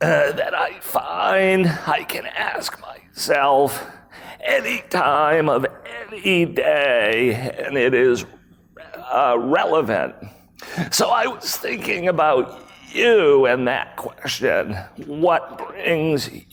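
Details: Spasmodic dysphonia, a rare voice disorder acquired in 2010 by an adult male CEO; throat muscles spasm and contract when he talks, sometimes making speaking difficult.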